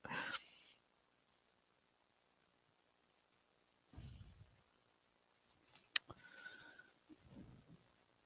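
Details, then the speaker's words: Sleeping pet dog: quiet, irregular snorting and wheezy nasal breaths separated by silent pauses; ordinary dog snoring. "You can hear my dog snoring. It's Coco."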